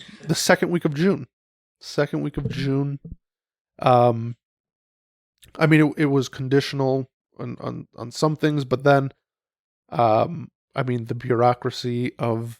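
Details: Adult male speaker; normal conversational speech.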